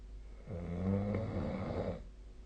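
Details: A single deep, fluttering snore lasting about a second and a half during sleep; an adult snoring.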